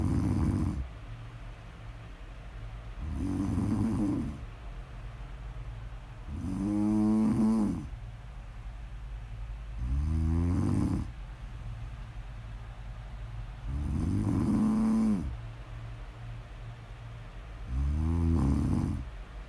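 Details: Snoring: steady rhythmic snoring, about 17 breaths a minute, each inhalation with a rattling, vibrating snore and quieter exhalations between.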